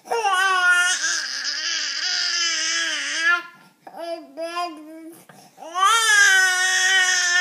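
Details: Infant crying: strong, high-pitched long wails with brief pauses for breath, in a small room.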